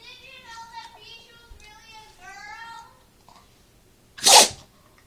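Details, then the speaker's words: A dog sneezes once with a sharp, hissing burst amid background voices; it keeps sneezing repeatedly during the recording. "i don't know if this dog's going to sneeze again that was so funny though"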